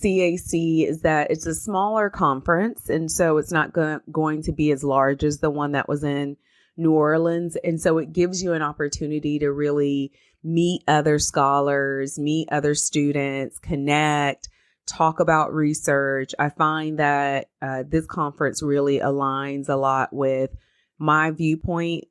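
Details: Adult speaker; ordinary fluent speech.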